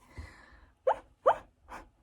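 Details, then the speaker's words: Involuntary vocal tics from a person with Tourette syndrome, not a demonstration: three brief, abrupt, sharp vocal bursts after a soft sound. "that wasn't a demonstration that was an actual tick because i'm telling what ticks it does the thing"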